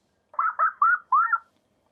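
Four short bird chirps sound dull and muffled, with the bright high tones missing: a simulation of birdsong heard with moderate hearing loss.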